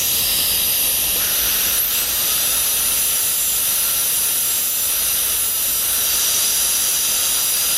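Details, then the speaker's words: High-speed dental handpiece with diamond bur and water spray carrying the lingual finishing line into the gingival crevice on the maxillary right cuspid for a 3-unit anterior bridge: steady high-pitched hissing whine. "with this diamond the finishing line now the lingual surface is carried just into the gingival crevice"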